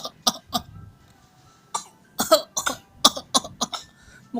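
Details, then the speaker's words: Young child imitating a parent's cough while learning to cough: a run of short, dry, forced coughs, not an illness cough; imitated cough. "Dedek, batuk, belajar batuk."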